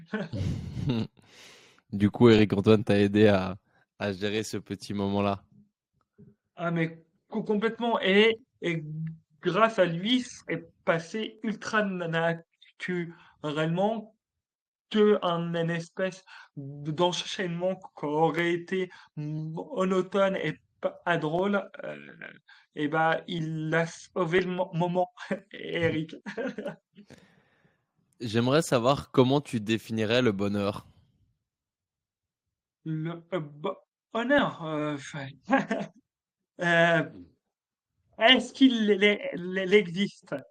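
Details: Adult man, a French-speaking comedian, who has stuttered since childhood and calls it more like an accent; stuttering.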